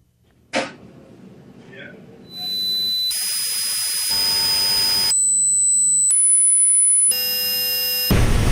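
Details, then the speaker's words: Simulated tinnitus, a 10-second edited clip of frequencies and sound types people with tinnitus hear: series of high steady tones, whines and buzzing, ending in a loud roar. "so I'll give a warning I have cut a 10c clip together of some of the frequencies and types of sounds that people who have tened us here so bear with me we're going to play a very short clip now just 10 seconds"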